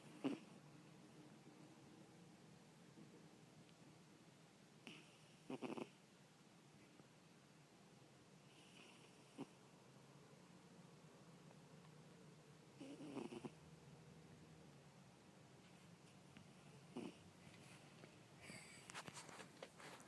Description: I noticed a while back that my lil kitty snores. Finally caught her in the act!